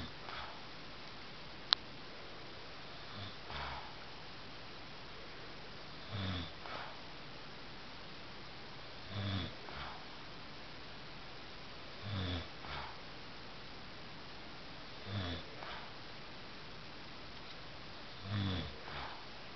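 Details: Man snoring in his sleep, with regular short, rough snorting snores on breathing in about every three seconds (roughly 20 a minute); the person filming says the snoring keeps them up a lot.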